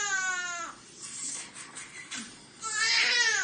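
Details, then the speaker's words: High-pitched crying bursts from a sick newborn who tested positive for RSV, broken by a short pause with rustling; distress cry during nasal suctioning. "Oh, he does. Oh, yeah, he does. They just take a minute to cry."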